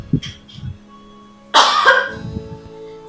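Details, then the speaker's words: A few soft breaths, hand on abdomen, 3–4 deep breaths, breath held, then one strong, forceful cough: effective controlled cough demonstrated for a post-operative patient by a midwifery student. "Letakkan tangan di atas perut Tarik nafas sebanyak 3-4 kali Ada tarikan keempat tahan nafas selama beberapa detik dan batu"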